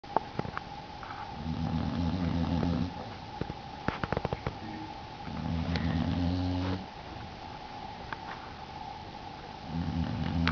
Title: snoring bluenose pitbull puppy